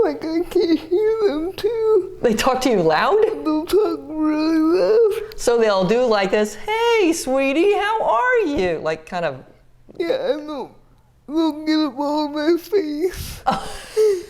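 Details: 30-year-old woman with GMFCS Level 4 cerebral palsy, quadriplegia with an athetoid component, using a power wheelchair; dysarthria (athetoid cerebral palsy).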